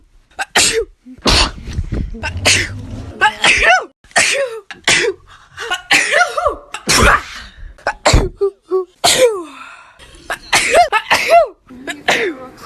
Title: Blonde natural sneezing comp